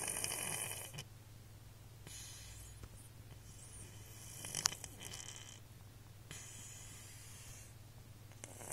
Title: Snoring kitty :)